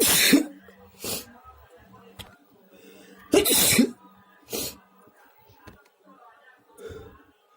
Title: Powerful and spray sneezes!